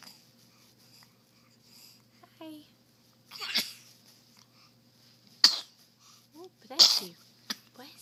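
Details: A run of three sharp, hissing sneezes about a second apart, with a few quiet squeaks between them.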